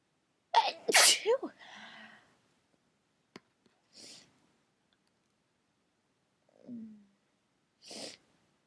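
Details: One loud, explosive morning sneeze followed by a few quieter breaths and small sounds; an ordinary sneeze.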